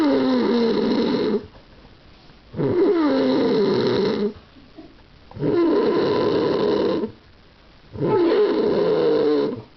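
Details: Adult man (dad) snoring: loud, rattling snores on each breath in, about four in ten seconds, with quiet breaths out between; he reportedly starts to choke later.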